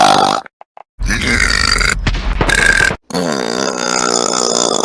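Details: Several loud, drawn-out voiced belches with short silent gaps between them; burping.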